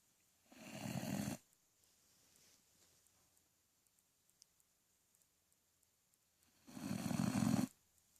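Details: Two loud, low, rattling snores about six seconds apart with quiet breathing between, silent room; ordinary snoring.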